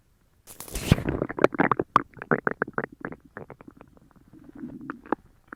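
Loud, irregular gurgling and squelching bowel rumbles in bursts, swelling again toward the end: borborygmi from an upset stomach.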